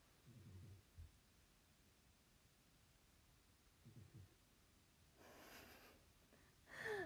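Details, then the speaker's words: Loud, unusual snoring of a pet dog sleeping deeply during a livestream; dog snoring. "そう、犬のいびきって結構大きいですよね。さくらちゃん大きいんですよ、いびきが。"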